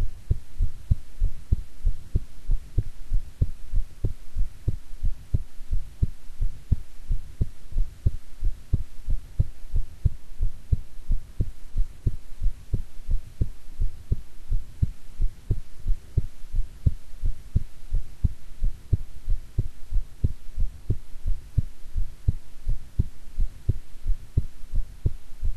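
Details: Steady, regular low thumping of an adult's normal heartbeat over a faint constant hum, with stomach growling from digesting a meal.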